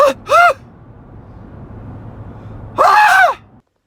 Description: Two months of sneezes. This is what I got.